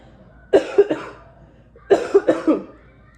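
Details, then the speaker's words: Two bouts of harsh, rapid, chesty coughing, three to four coughs each, from a COVID-positive mother with chest pain and fatigue who cannot take a deep breath without coughing; persistent, hard-to-clear cough. "and it's like one of those coughs that you just can't clear you know where your body just keeps coughing trying to shake whatever it is that's on it's on it"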